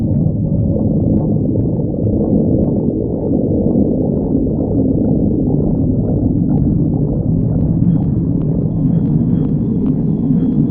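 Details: Stomach growling (borborygmi) from a badger.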